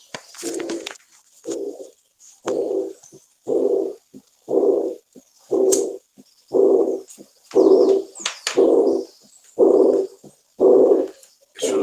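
Regular blowing systolic murmur, about 60 per minute, typical of mitral regurgitation, a high-pitched murmur.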